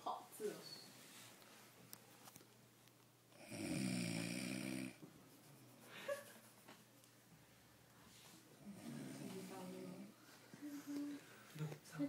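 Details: Loud rasping snore followed by softer snoring breaths, with faint talk in the room; recorded during a pediatric infectious diseases session.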